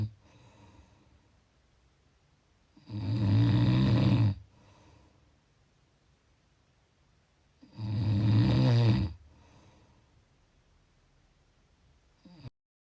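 Two loud, low, rattling snores about five seconds apart, separated by quiet breathing; ordinary snoring at roughly 13 breaths a minute.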